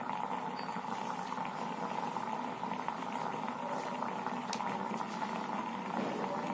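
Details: Water steam vaporizer used for breathing problems in the COVID pandemic: continuous bubbling, boiling hiss with small pops; steam vaporizer running.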